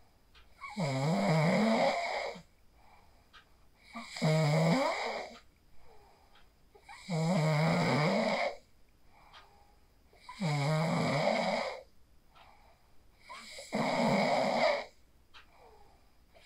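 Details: Phone recording of a sleeper after practicing the 4-7-8 breathing technique: regular rattling snores on each breath, about five in 16 seconds, with quiet gaps and soft breathing between; snoring during sleep.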